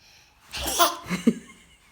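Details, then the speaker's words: A child's single sneeze, prompted to sneeze while holding the hands a certain way: a brief inhaled build-up, then a sharp burst of air; genuineness questioned. "കൈ ഇങ്ങനെ പിടിച്ചിട്ട് ഇങ്ങനെ തുമ്മിയേ. കൈ പിടിച്ച് തുമ്മ."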